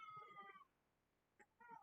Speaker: I don't know if you can hear that, but that's a crying baby.